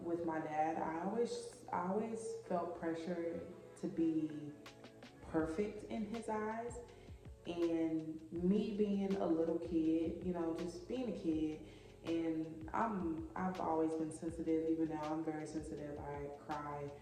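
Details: Adult woman who has stuttered since about age 6½, now mainly when excited, angry, upset or nervous, and who had speech classes in elementary and high school. Finding: stuttering.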